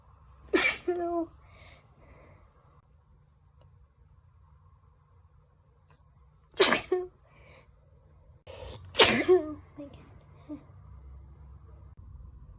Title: Sneezing